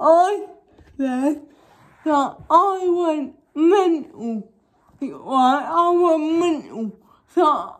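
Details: Young woman with cerebral palsy causing involuntary movements, now wearing braces on her top and bottom teeth; dysarthric speech in cerebral palsy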